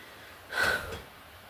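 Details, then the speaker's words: Single short, sharp inward gasp from an adult woman during a bout of hiccups, which she thinks stress brought on; gasp. "I don't know why you guys like my hiccups I have the one guy who says that uh I'm his hiccup hiccup's"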